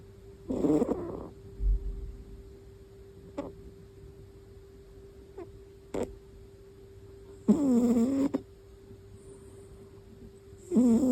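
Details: Soft rumbling, purr-like snores recurring in a regular rhythm with quiet pauses; a sleeping female cat snoring, harmless.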